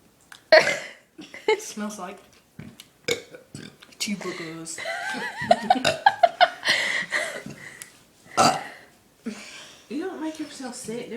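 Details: Boy repeatedly burping: long, rumbling voiced belches repeated several times, with laughter and chatter around them.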